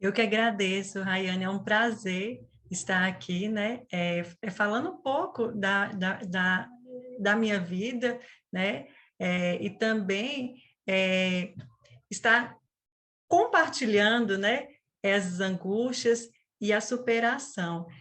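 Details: Stuttering in a 37-year-old woman, onset at age 4, with a family history (father and brother also stuttered); she describes it as a neurobiological speech disorder.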